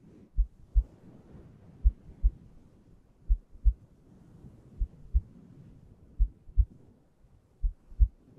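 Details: ASMR heartbeat recording for relaxation and sleep: slow, steady paired low lub-dub thumps at about 41 a minute over a faint hiss. Normal heartbeat.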